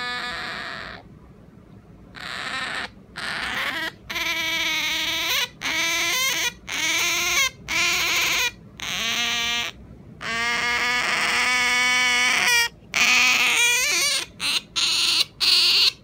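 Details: Sleeping small-clawed otter: high, squeaky whines and chirps in repeated bursts, described as noisy sleep talking; sleep vocalization.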